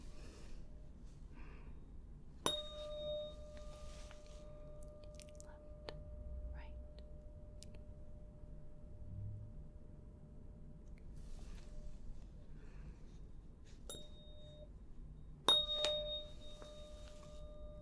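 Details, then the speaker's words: Role-played ASMR ear examination: tuning fork struck and placed at the center of the forehead (Weber test) rings with a clear sustained tone, fading slowly, then struck again; simulated hearing test. "Okay, so first we'll start with me putting the tuning fork right in the center of your forehead. And you just let me know whether you hear the sound more on the left, the right, or in the middle."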